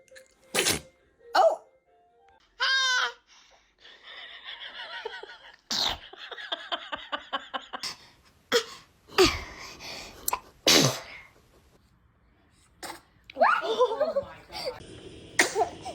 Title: Baby sneezing is so cute 🥰 #funnybaby #baby